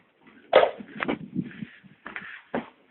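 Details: A parrot coughing: a few short, sharp, throaty bursts in quick succession, like small coughs, with brief pauses between them.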